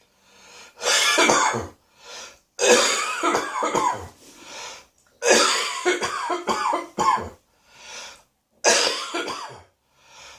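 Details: Adult with a spring cold coughs in four harsh bouts with audible breaths between; the cough is getting deeper into the throat and may reach the chest in a couple of days: cough from a common cold.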